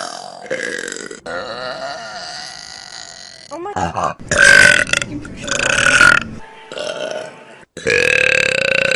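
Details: Compilation of short Vine recordings: several loud, drawn-out belches with brief cuts between them and some background sound; burping.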